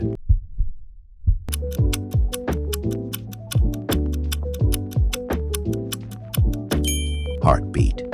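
Regular deep thumping beats under loud background music: a heartbeat sound effect.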